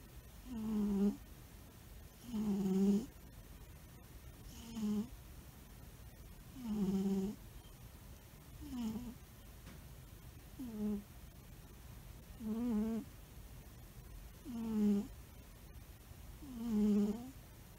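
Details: Albino cat sleeping and snoring steadily: soft, buzzing snores about every two seconds, roughly 30 a minute.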